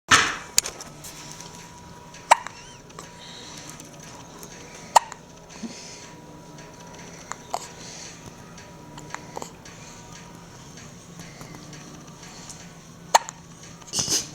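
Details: Newborn baby girl about 2 hours 45 minutes old, after her first large feed: sharp, brief hiccups every few seconds, about five in fourteen seconds, in a quiet room; ordinary hiccups.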